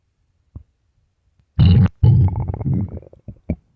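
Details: Loud, low gurgling, rumbling bursts from the belly of a hungry, empty stomach: borborygmi (stomach growling).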